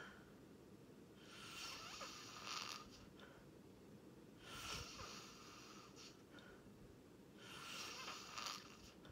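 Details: Person recorded sleeping, snoring: three long, rough, rattling breaths about every three seconds with quiet gaps, against steady background hiss.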